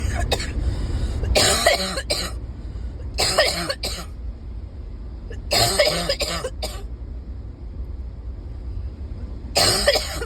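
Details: Persistent bad cough (#7 in a series): four bouts of loud, harsh, chesty coughing, two or three coughs each, over steady engine-like background noise.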